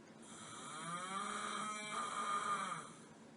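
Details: Adult husband snoring at night: one long, drawn-out snore with a moaning, lowing, cow-like tone, recorded quietly.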